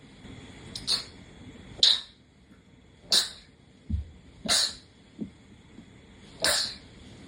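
Five quick, hissing sneezes about a second apart, with soft snuffles between them; a run of repeated sneezing.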